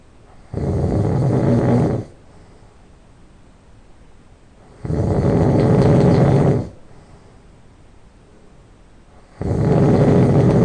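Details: Person who just fell asleep, loud nasal snoring on each breath in at about 7 breaths a minute, with long quiet breaths out between.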